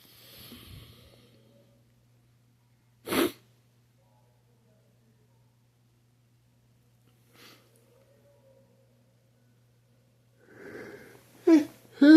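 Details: A single sharp sneeze, then a soft exhaled sigh, with brief speech near the end.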